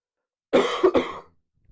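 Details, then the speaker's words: Single short cough with a quick double burst in a quiet room, from a man who sounds sick and says it comes from something in his lungs; coughing during a live talk. "Make sounds really sick. He sounds like that. Like he he does sounds really sick. Hopefully he's not. >> It's just It's just a flame I have in my in my lungs."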